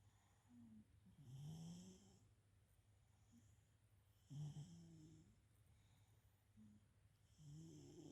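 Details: Sleeping cat snoring: soft, rhythmic snores, about 19 breaths a minute, each a low rattling rasp.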